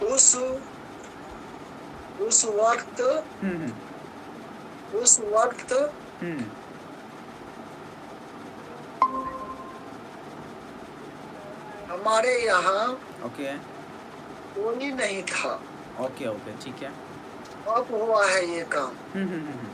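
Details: 29-year-old man in a stammering therapy session, with stuttering including blocks, long pauses, body freezing and breath stopping while speaking; stuttering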